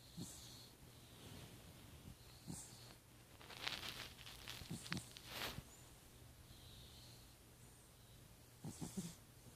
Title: Snoring Cat